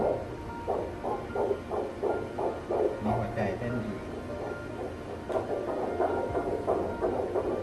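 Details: Fetal heartbeat heard on a prenatal ultrasound scan after about three years of trying for a baby: rapid, regular whooshing pulses at about 150 a minute, with some background hum.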